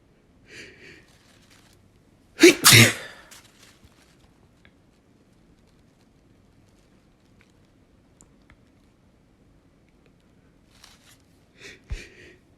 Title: Sneezing Like Crazy